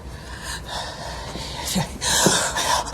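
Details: Acted sneeze from a Russian drama scene: a sharp inward gasp followed by an explosive burst of breath.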